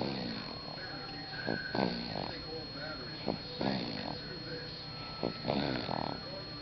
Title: Baby Snoring